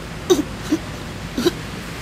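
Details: Persistent hiccups lasting over six months in an adult man, unexplained by doctors and disturbing sleep: short, abrupt gulping clicks repeating in quick succession; he reports relief from medical cannabis.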